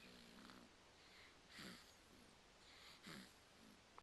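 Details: Cat snoring in sleep, recorded June 2010: soft, rough snoring breaths at about 40 per minute over faint room hiss.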